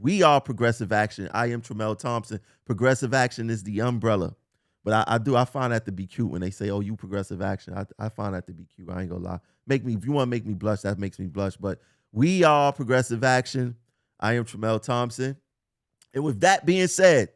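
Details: Adult male speaker; Normal speech.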